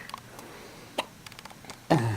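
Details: Newborn girl with hiccups while being burped, her whole body jumping with each one: a single sharp, brief catch in the throat in a quiet room, then a louder vocal sound; infant hiccups.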